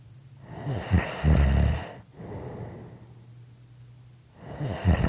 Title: Snoring Audio Clip 5 minutes